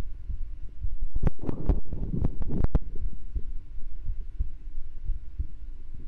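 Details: Deep thudding heartbeats through a heartbeat microphone on a streamer, loud at first then softer, with a low hum behind.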